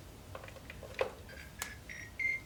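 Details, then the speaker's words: A Fisher & Paykel HC500 heated humidifier attached to a Trilogy 100 ventilator for a tracheostomy sounds short, high electronic beeps with clicks when the heated wire or temperature probe is disconnected. Connector alarm. "or the temperature probe either one of them are going to give us alarms and that's pretty obvious that they're disconnected"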